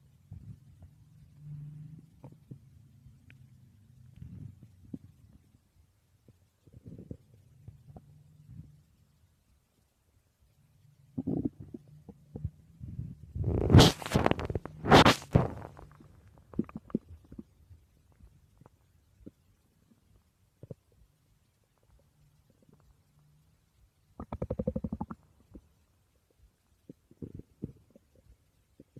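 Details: Woman's stomach growling recorded while she slept: low gurgling and rumbling bowel sounds in irregular bursts, with two louder squelching surges midway, borborygmi.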